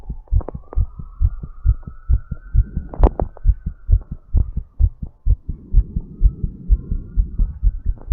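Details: Fast, steady heartbeat about 130 a minute during recovery after exercise, energy drink taken before recording; post-exercise tachycardia.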